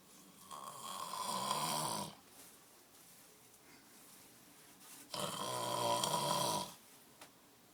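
Two long, loud, rattling snores about three seconds apart, with quiet pauses between them. Heavy snoring during sleep.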